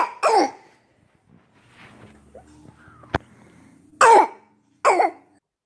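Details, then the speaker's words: Several harsh, hollow, seal-like barking coughs with quiet breathing between, in a child: the typical barking cough of croup. "okay so this barking cough is a very harsh sounding cough what they usually describe in the literature is written as a seal-like bark"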